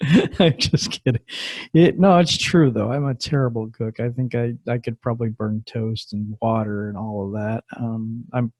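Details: Adult male speaker; typical speech.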